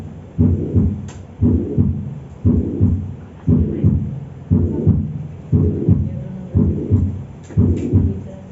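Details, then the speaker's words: Veterinary cardiac auscultation in a semiology lesson; steady low heartbeat near 58 a minute, each beat followed by a rumbling whoosh; heart murmur, named by location (pulmonary, aortic or mitral valve), here a mitral valve murmur. "entonces dependiendo de donde ubicamos nosotros el soplo va a ser el soplo de ahí Pues el soplo de la válvula pulmonar puede ser un soplo de la válvula óptica o puede ser un soplo de la válvula mitral"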